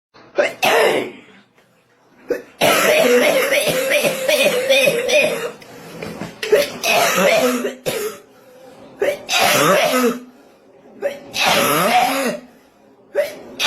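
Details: Cough described as a "graveyard cough": repeated loud, harsh, deep coughs in bursts with short gaps between them, severe-sounding.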